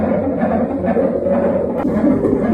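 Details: Fast, rhythmic whooshing fetal heartbeat on a Doppler monitor during a test in hospital, the day before the mother's scheduled operation.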